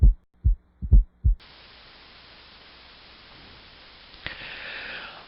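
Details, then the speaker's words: Example S4 (atrial gallop) at the apex: low, dull heart sounds with an extra soft beat in late diastole just before S1. "and s force town also known as an atrial gallop is a low-pitched dull sound that occurs in late diastole just before s1 and is heard at the apex"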